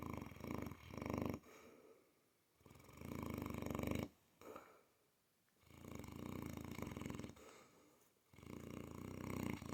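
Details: Sleeping female Mastiff, wiggling: loud, rattling snores in long drawn breaths, about five in ten seconds, with quiet pauses between; snoring.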